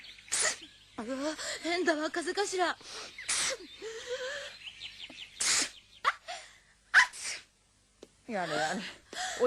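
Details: Acted sneezes from animated cartoon characters, replayed in a compilation with music: several voiced sneezes mixed with short speech and gasps.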